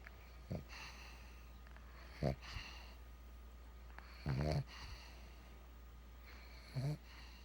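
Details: Pug dog snoring while asleep: short, irregular snorting breaths every few seconds over low room hum.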